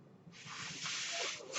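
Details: The podcaster's own mechanical ventilator, heard between the speech: after a brief quiet moment a steady rushing hiss of airflow rises, then fades, as it delivers a breath.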